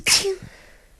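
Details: Adult woman with a bad tickly cold: a single sharp, hissing sneeze with a brief voiced catch, then quiet.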